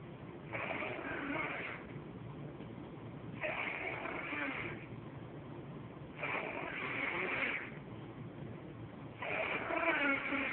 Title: My sis GF passed out drunk snoring lol